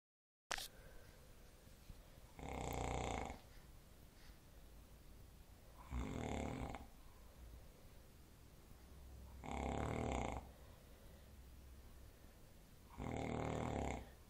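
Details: Adult man, a father, snoring "like a tractor": four loud, rumbling snores about 3.5 seconds apart, roughly 17 breaths a minute, with quiet exhalations between; heavy snoring.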